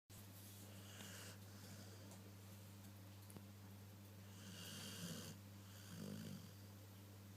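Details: Sleeping dog: soft rumbling snore noises over a steady low hum; snoring.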